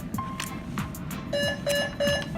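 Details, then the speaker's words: Repeated high electronic alarm tones in short pulses from an Alaris end-tidal CO2 monitor used with a PCA pump: infusion pump alarm. "If the patient has removed the tubing, the pump will alarm. And sometimes the pump will alarm because the tubing has an occlusion."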